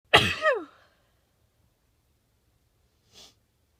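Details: Sneezing after a shower and nose blowing, in a long sneezing fit: a single sharp voiced sneeze ending in a falling vocal tail, then a brief soft sniff.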